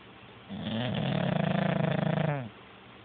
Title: #WallyTheBulldog - Snoring